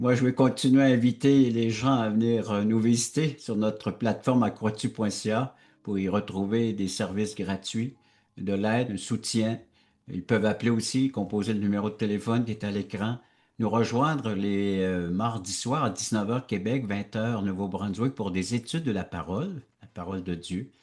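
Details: Adult male speaker; plain speech.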